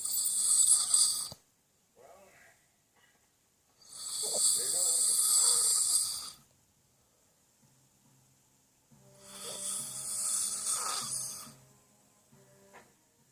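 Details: Snoring: three long, hissing, rattling breath sounds at about 13 a minute, separated by quiet gaps.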